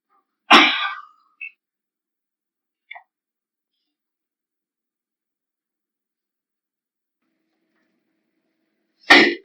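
Two sharp, explosive sneezes about eight seconds apart, with faint small sounds between, in a quiet room.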